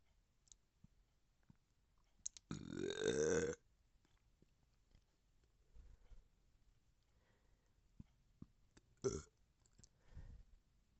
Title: bloated burping #belching #gassy #burp